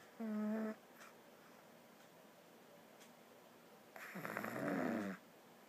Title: Baby girl snoring AGAIN